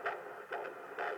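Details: Fetal heartbeat on Doppler at 17 weeks of pregnancy: rhythmic whooshing beats at about 130 a minute, within the stated normal range of 110 to 160.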